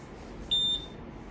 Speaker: Okay, so this video we are going to see about the Maquet ventilator is having the pressure sensor error, and let's switch it on and use a pre-check now.